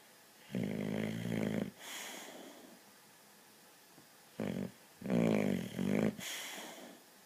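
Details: Boxer dog snoring while asleep, very loud: deep fluttering snores with softer breathy exhalations between them.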